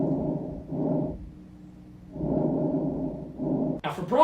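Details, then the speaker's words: Normal vesicular breath sounds: soft, low rustling, reduced in loudness, longer inspiration and shorter expiration. "for vesicular it has longer inspiration period and shorter expiration VE for shorter expiration and Vesti for longer inspiration it also has reduced breast sounds vesicular reduced now let's have a listen"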